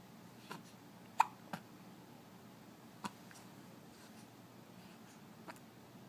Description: sits in his bouncy seat and watches his toys as he has hiccups.